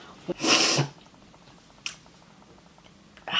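A single loud, hissing sneeze burst with a brief sharp intake, followed by quiet room noise.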